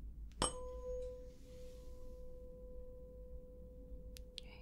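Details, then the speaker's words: Simulated Weber hearing test in a relaxation-focused, non-realistic medical role-play: a struck tuning fork placed on the forehead rings as a steady, slowly fading pure tone. "So I'm just going to start by placing this on your forehead."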